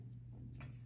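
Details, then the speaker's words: Low, drawn-out rumbling gurgle from an adult's empty stomach early in the morning before eating, in a quiet small room; audible stomach growling (borborygmi). "oh my God, can you hear my stomach? I have not eaten yet and it's super early in the morning."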